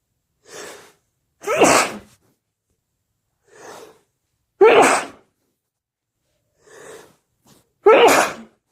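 Three sneezes, each preceded by a quick indrawn breath, ending in a wet, explosive burst.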